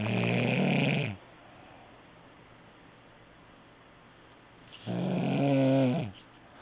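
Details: Snoring during sleep: two loud, rattling, buzzy snores about four seconds apart with quiet pauses between.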